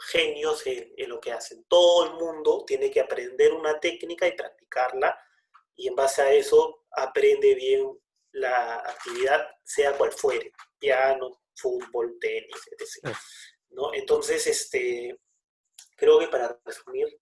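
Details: Person who stutters (self-identified), speaking in conversation; stuttering.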